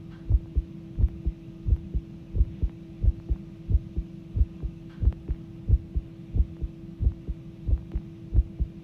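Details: Regular thudding heartbeat at about 90 a minute over a low hum, recorded as the heart started pounding; mildly fast heart rate.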